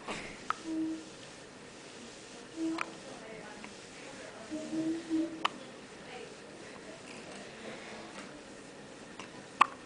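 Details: Newborn hiccups right after birth, while being held by the mother for the first time: faint, brief clicking hiccups recurring every few seconds amid soft newborn grunts and room noise.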